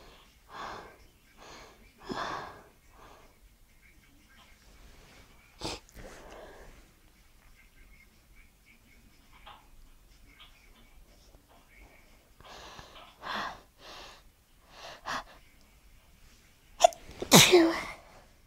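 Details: End of a nighttime sneezing fit: a run of short, sharp nasal bursts with quick sniffs between them, then a louder burst near the end.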